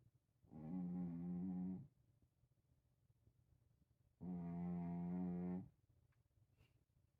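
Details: Snoring from a cat.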